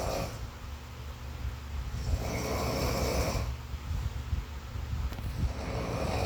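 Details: Slow, rough, low rumbling breaths in repeated cycles over room noise; snoring.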